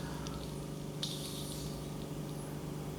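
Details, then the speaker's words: Ear wax microsuction by a nurse in a difficult, hairy ear canal with a small entrance, without oil, going slowly; low steady suction drone with squelches and crackles as most of the wax flies up the suction tube. "and the majority of this did uh actually fly up the suction tube"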